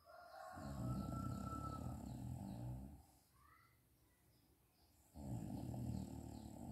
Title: Mama tidur mendengkur siang hari 01 sangat nyaman jadi perempuan sayang anak buka pintu bikin kaget